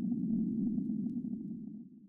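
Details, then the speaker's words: Simulation of noise-like tinnitus, a steady low rushing hum, a phantom sound heard without outside source, as one sufferer perceives it, mainly in moments of silence. "the ringing can take different forms my love Adele hears this noise like sound"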